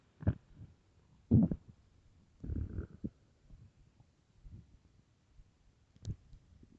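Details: Extremely loud hunger stomach growls from an empty stomach: loud gurgling growls and squelching rumbles at irregular intervals; ordinary borborygmi.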